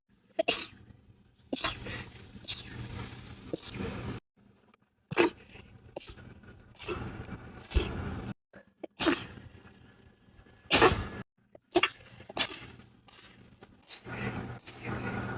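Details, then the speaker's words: Person who sneezes 4 to 12 times per bout, recorded over two months: about a dozen sharp, explosive bursts in quick succession over fifteen seconds with short pauses; repeated rapid sneezing. "I sneeze between 4 to 12 times per sneeze. Thank you. Everyone that knows me knows to wait till I'm done to say bless you."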